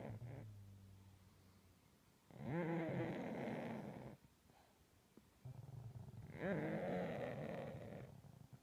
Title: Pugs snoring